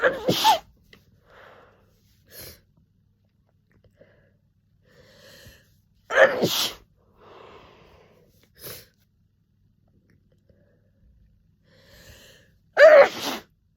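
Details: Person with a summer cold: three forceful, messy, rapid sneezes, each preceded by a sharp in-breath, with sniffing and breathing between; repeated sneezing.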